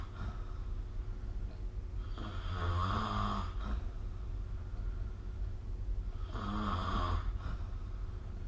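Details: Snoring during sleep recorded with the SnoreLab phone app: two low fluttering snores on in-breaths over a steady room hum.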